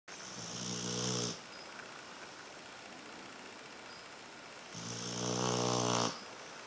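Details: Sleeping dog snoring: two long, loud buzzing snores with a steady hiss between them.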